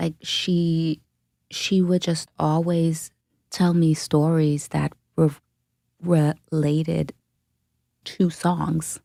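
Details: Adult woman who self-reports a stutter; stuttering.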